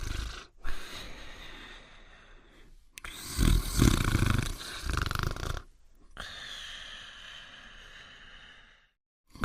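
Loud rough rumbling breaths with pauses, a cartoon snoring effect.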